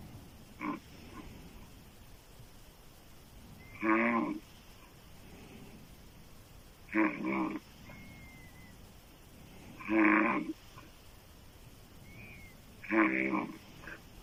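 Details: Woman's loud, rough open-mouth snoring, described as sounding like a man's, about every three seconds (roughly 20 a minute) with quiet breathing between.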